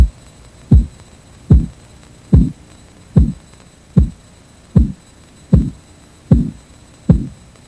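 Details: Korotkoff sounds from a 1997 Red Cross blood pressure auscultation practice sample, heard by stethoscope during cuff deflation (first sound systolic, last diastolic): regular dull tapping beats, about 76 a minute.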